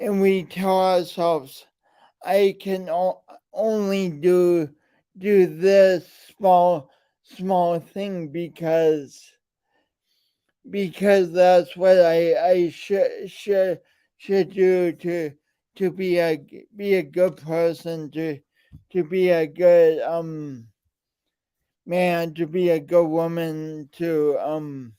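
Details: Man with a speech impediment and coordination differences present since birth, still ongoing; speech impediment (disfluent speech).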